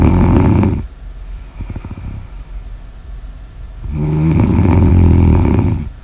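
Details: Snoring in an ASMR sleep recording: two loud, low, rattling snores on the in-breath, separated by a quieter pause with faint fluttering.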